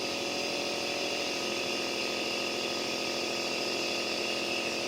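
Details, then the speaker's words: Nebulizer compressor running for a child with cough, cold, phlegm and chest congestion, as recommended by a doctor: steady, loud mechanical buzzing hiss without break while medicine mist comes out. "देख सकते हैं इसे दवाई निकल रही है"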